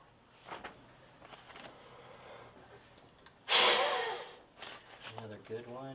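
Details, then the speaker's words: Peak flow meter instruction demonstration: after a deep breath held, one sharp, forceful blast of exhalation lasting about a second into the meter, a good effort reading 550. "take a deep breath in open your mouth hold that breath and put this in your mouth and blow into that okay and that one's at 550."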